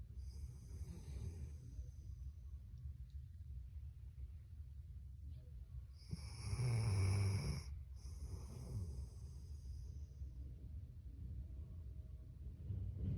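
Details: A sleeping dog snoring: a steady, low, rumbling snore with each breath and a louder snort partway through; ordinary snoring.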